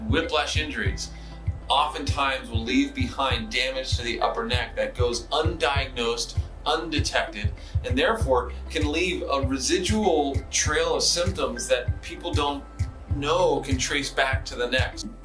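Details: Adult male speaker; typical speech.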